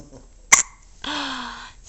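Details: Baby girl gets hiccups again after being dressed and eating breakfast: a single sharp hiccup followed by a brief voiced sound, an ordinary hiccup.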